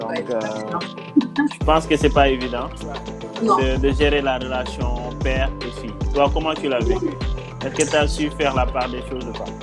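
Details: Adult speaker; normal speech.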